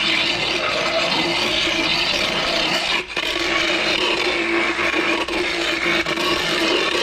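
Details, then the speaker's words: Continuous harsh scraping and rasping with a brief pause as a horse, relaxed and sleepy, has sharp teeth that were hurting his gums filed smooth; equine dental float. "so qantas is gonna have some of his teeth smoothed out because they're a bit sharp and they'd be hurting like the size of his gums"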